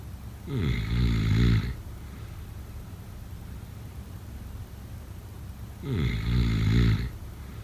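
Two deep, loud, vibrating snores about five seconds apart, with quiet room noise between; regular heavy snoring.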